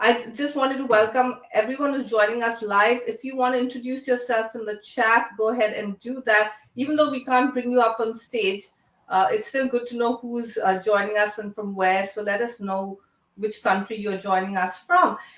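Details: Adult woman; normal speech.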